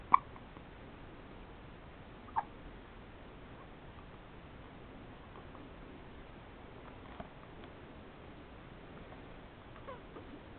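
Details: Hiccups (described as 'poor baby'), recorded 12-07-07: brief sharp hiccups at irregular gaps, about four in ten seconds, over quiet room noise.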